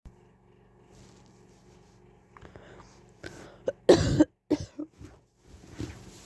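A quiet start, then several harsh cough bursts with throat clearing in a small room: an adult coughing fit.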